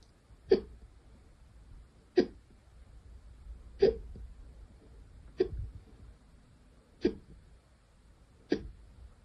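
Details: Hiccups for the second time today: six sharp, abrupt gulping sounds at fairly regular intervals, about 36 a minute, in a quiet room.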